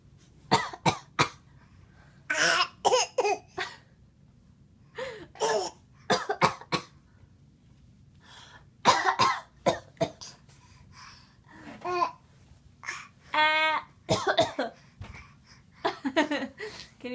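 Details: Voluntary cough: a young child deliberately fake-coughs, giving repeated short, forced coughs in small clusters (part 3 of a series).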